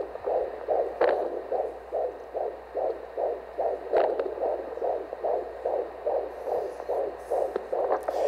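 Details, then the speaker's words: Recording of the speaker's unborn son's heartbeat on Doppler: rapid, regular whooshing pulses at about 146 a minute, a fetal heartbeat. "so much so that I got a recording so all of you guys could hear this heartbeat so I just want you to listen to the heartbeat of my son"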